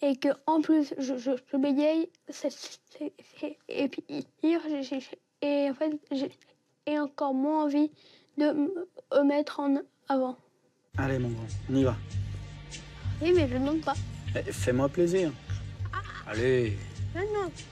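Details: 11-year-old boy with longstanding, severely disabling stuttering; speech therapy and child psychiatry did not help; attending a 3-day breathing-based stuttering course; stuttering.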